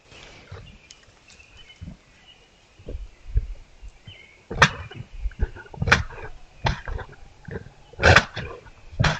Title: Coughing moose